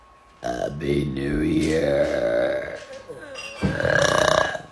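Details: Adult woman (mother) burping hard on purpose: a long, loud, voiced belch then a shorter second belch; she says she sometimes swallows air.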